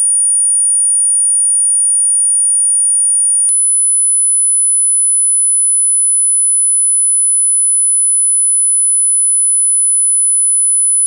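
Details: Pure-tone audiology test tones at constant loudness, each played for 8 seconds, rising from low to high pitch; a steady high-pitched tone stepping up to a slightly higher tone after a brief click.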